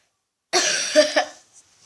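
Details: Girl video blogger ill for two days with cough, runny nose and fever, lying in bed at home: a long, harsh, loud cough burst, then two shorter wet-sounding productive coughs.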